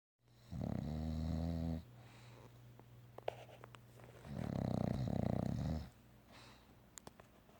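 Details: Bulldog snoring and dreaming during an afternoon nap: two long, low, rattling snores separated by a quiet exhale, with a few small clicks between.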